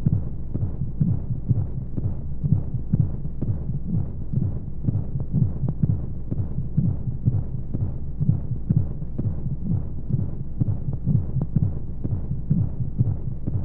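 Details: Womb-sound sleep aid for babies: soft muffled rhythmic heartbeat thumps at a regular rate under steady whooshing white noise and flowing sounds, like a heartbeat heard from inside the womb.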